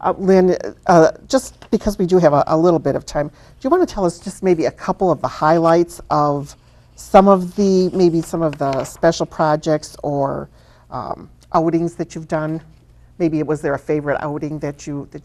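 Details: Adult woman speaking; normal speech.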